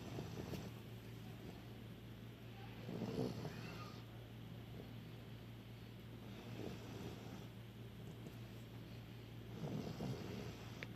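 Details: Sleeping Samoyed dog snoring: two soft, rough low breathing noises about seven seconds apart over a steady mechanical hum.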